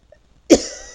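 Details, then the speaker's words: Person with a sore throat and stuffed, runny nose, just over stomach flu, speaking in a quiet room at night: one abrupt cough with a lingering breathy tail; cough. "Yeah, I'm coughing too. I'm sick, so if I sound a little weird, it's because I'm sick."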